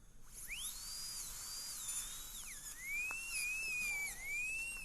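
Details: Dental drill grinding a temporary crown on an immediate implant to remove occlusal contact, before shortening the incisal edge: a high-pitched whine, its pitch dipping and rising as it grinds.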